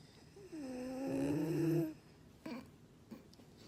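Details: Dog that recently started snoring very loudly while asleep: a loud, drawn-out, whistling snore on inhalation, then quieter short breaths; snoring.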